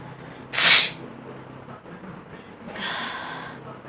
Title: Sneezing part-4#MostRequestedVideo#sneezing #noseblowing #challengevideo #dailyvlog